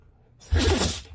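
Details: A single sudden, explosive half-second sneeze from a male Jindo-mix dog, said to follow eating too much; sneeze.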